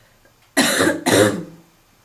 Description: Barking smokers cough